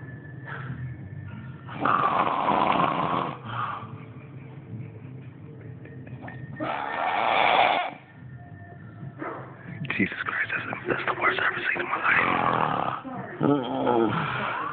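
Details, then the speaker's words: A sleeping person snoring badly: loud, harsh, irregular snores and snorts, each lasting about a second or longer, with faint music in the room. "all right look JJ snoring his ass off yo got to cut the light on and catch him"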